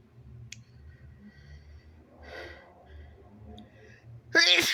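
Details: A sneeze deliberately induced with paper tissue in the nose: quiet sniffing and breathing, then one sudden, loud sneeze at the end.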